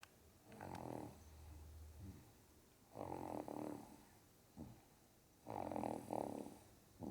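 Rhythmic, rattling snores from a sleeping dog, each noisy breath lasting about a second with quieter breathing between; ordinary snoring.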